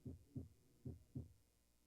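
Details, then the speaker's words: A normal heart sounds recording played as a classroom example: two clear heartbeats, each a paired lub-dub (first and second sounds from the valves closing), with quiet gaps, at about 75 beats a minute. "Alors, on entend là le son des valvules. Sound 1, 2, 1, 2. Alors, on entend. 1, 2. Ce son-là, c'est le son des valvules qui se ferment."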